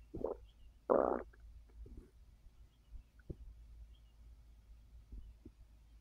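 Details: Quiet gurgles and one louder rumbling burst from the belly of a person resting on a full stomach after overeating, following a gummy that increased appetite; normal digestive bowel sounds (borborygmi).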